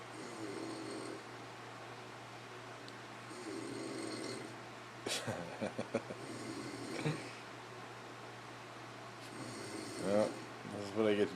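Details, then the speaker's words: Gentle, low rumbling snores with quiet gaps between them, from a sleeping man on a fishing trip whose snoring keeps his roommate awake. Snoring. "you've got to be kidding me supposed to sleep through that this dude wakes me up groceries tells me I'm too"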